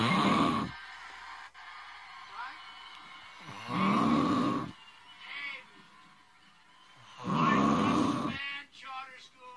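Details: Loud, rumbling snores about every three and a half seconds, with soft breathing between, from a person filmed by a friend while asleep; ordinary snoring.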